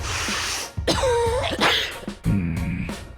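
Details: Acted sniff, sneeze and cough in quick succession, sharp noisy bursts over a faint music bed, in a COVID vaccine public message.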